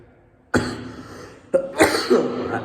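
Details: An adult with an ongoing cough that worsens especially when eating, though now improving, coughs while talking.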